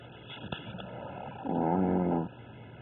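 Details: Snoring in a sleeping chihuahua, described by the owner as a crazy sleeper louder than their pitbull: a short, buzzy inspiratory snore over a steady electronic room hum.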